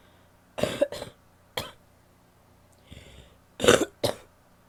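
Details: Wet cough.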